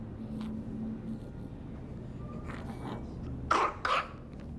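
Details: Child assessed for cough and difficult breathing in a WHO IMCI training exercise. Breathing has wet, snuffly noises from a blocked nose: nasal congestion, not stridor.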